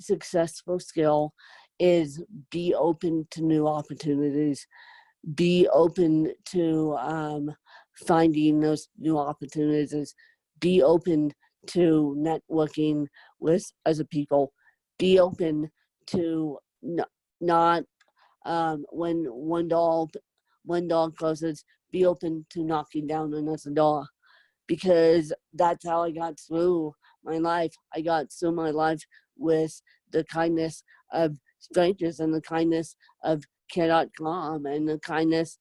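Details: Adult woman with moderate to severe cerebral palsy, needing help 24/7; whether her own speech is impaired is not stated; dysarthric speech in cerebral palsy.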